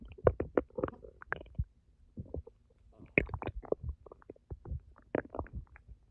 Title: My Stomach growling after starving for 10 hours 🥱😫